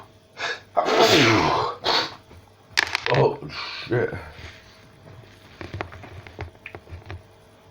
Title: Non stop sneezing for 4 minutes!